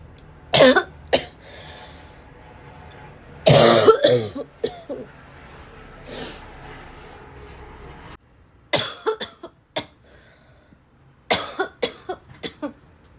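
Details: Several bouts of hard, harsh, barking coughing, about a dozen coughs, with gasps and throat clearing between; coughing hard as if choking on the cough.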